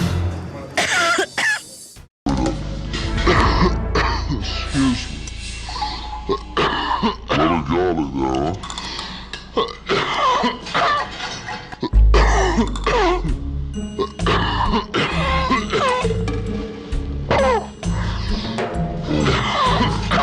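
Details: Coughing fit in an adult waitress after tasting garlic-heavy food: coughing, throat clearing and groaning in bursts, with music behind.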